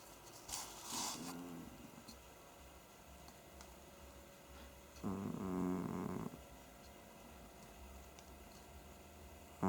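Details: Sleeping cat snoring: two quiet, low rasping breath sounds against room noise, soft snoring.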